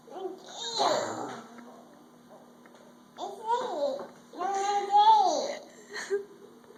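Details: Children imitating sneezes while being taught to cover their mouths: playful pretend sneezes, drawn-out voiced 'ahh' sounds ending in breathy 'choo' bursts; fake sneezing.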